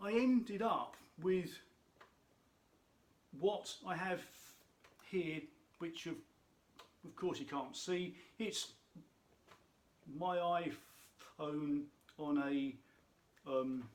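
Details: Adult man who states he has a stammer, which he says can be heard in his speech; stuttering.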